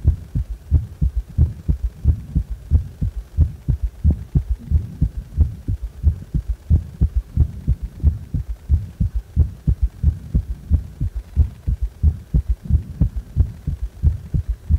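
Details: Regular low-pitched heartbeat at about 90 per minute with a prominent extra soft low thud after the second sound: third heart sound (S3).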